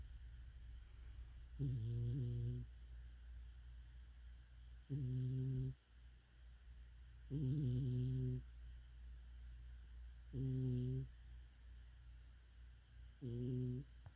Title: Snoring cat | cat dreaming